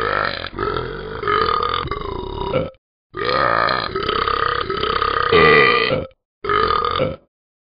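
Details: Burping from the animated app character Talking Ben after drinking champagne: long, drawn-out burps in a series of voiced belches.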